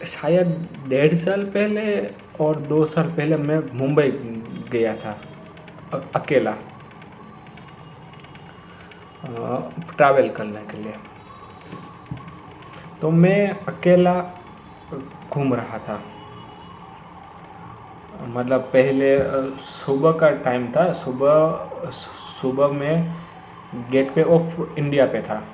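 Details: Stuttering in an adult man who has stammered for many years.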